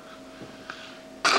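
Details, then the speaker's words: After quiet breathing, a three-and-a-half-year-old boy with a hole in the heart and cleft lip and palate, before heart surgery, gives one sharp, forceful cough on request during a lung check; voluntary cough. "Now you cough. Good cough! That was very good!"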